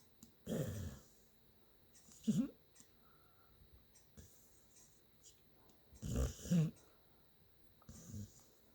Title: Chip snoring 12/15/2019(1)